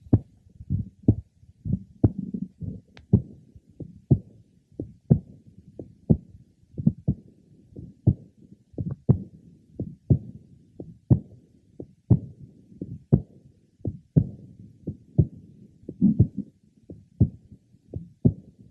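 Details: Man with a congenital bicuspid aortic valve, aortic area: easily detected aortic ejection sound; he also has a diastolic murmur.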